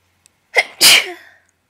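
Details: Person with slight summer allergies: a single loud, wet sneeze with a quick indrawn breath and then an explosive hissing release, one of five wet allergy sneezes.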